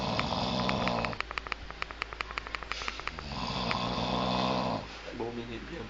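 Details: Snoring: loud, rough, rattling breaths repeating on inhalation, with clicking sounds in the quieter stretches.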